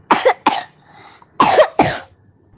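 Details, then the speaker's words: Voice note of a paediatric patient with a severe cough, before homeopathic treatment: four sharp, harsh coughs in two pairs, without wet rattling; dry cough. "सो देर इ voice note present जिसम वो बोल रहे हैं कि उन्हें काफी खासी है आप कफ नोट भी कर सकते हो"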